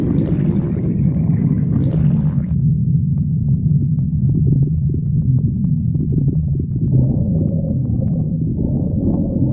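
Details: Stomach growling: continuous deep rumbling and gurgling with shifting pitch; normal borborygmi.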